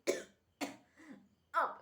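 Several short, sharp coughs in quick succession, the third softer and more voiced: a brief bout of coughing.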